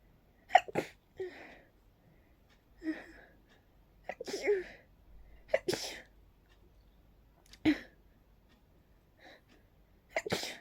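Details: Sneezing fit attributed to pollen: a rapid run of about six sharp sneezes with short gasping inhalations between them, so fast the person could barely catch their breath.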